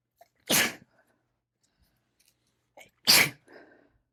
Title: Sneezing from my late summer cold